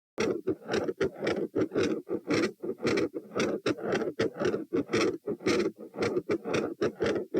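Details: Heart sounds recorded at position T, 114 bpm: rapid, regular beats in which S1 first varies in intensity with breathing, then becomes consistently loud.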